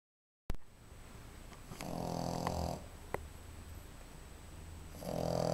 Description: I was told they snore, but I really didn't think they actually SNORED! The funny thing is that now if I don't here Bianca snoring I run to check if she's breathing.